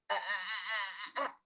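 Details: Adductor spasmodic dysphonia, with the glottis closing under exaggerated laryngeal muscle effort; strained-strangled voice (adductor spasmodic dysphonia).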